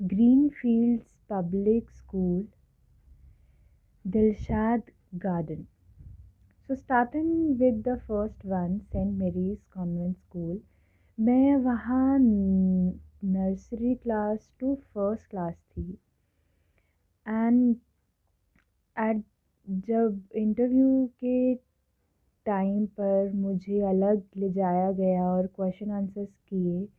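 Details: Adult woman who has stammered since early childhood, speaking Hindi and English; stuttering.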